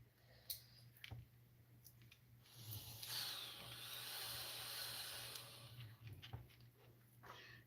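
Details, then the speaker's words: Adult man using his inhaler in the background, described as wheezing: a sustained airy hiss with a faint whistling edge; inhaler use with hissing sound. "That's just my boyfriend and his inhaler. If you could hear that wheezing thing."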